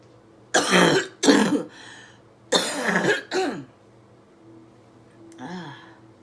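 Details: Adult woman with COVID-19 infection, day 19, clearing lungs after chest percussion, oxygen saturation around 83 with pulse 90: four harsh, wet coughs in two pairs, then a soft breath; productive cough.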